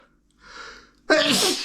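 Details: Man trying to hold back sneezes: a building intake of breath, then one loud, partly held-back sneeze.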